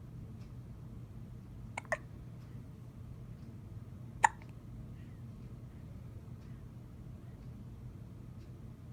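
Faint room noise with a few brief, sharp clicking gulps several seconds apart, fitting hiccups.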